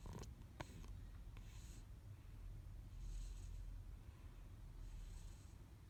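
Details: Snoring recorded at age 14 months 22 days: quiet low snoring with faint breath hisses about every two seconds, after a few rustling clicks at the start.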